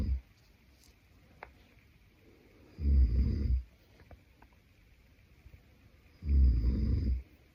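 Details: Boyfriend snoring while asleep: deep, rattling snores on the in-breath with quiet pauses between, about two breaths, a slow sleeping rhythm.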